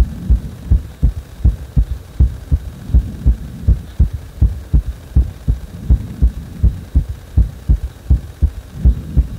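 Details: Heartbeat that speeds up on its own after compression: steady, strong thumps at about 80 per minute with a low hum behind them.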